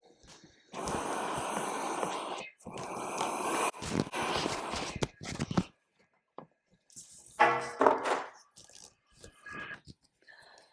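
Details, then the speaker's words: Repeated rushing-air surges from a home ventilator delivering breaths through a tracheostomy circuit running without the heated humidifier (cold dry air), as used when leaving home, then a quieter stretch; mechanical ventilator breaths. "it is not attached to the heated humidifier it is just taking cold dry air and putting it right into my Airways it's like going to Denmark in December"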